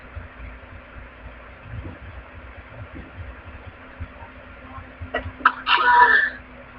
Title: my sneezes